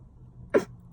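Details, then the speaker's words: Vocal tic in a person with a tic disorder of 8 years: one abrupt, brief throaty vocal burst out of quiet. The tics now appear mainly when talking about them, and alcohol lessens control over them. "they come out especially when I'm about to say like when I talk about it they come out and then it's right on cue they come out"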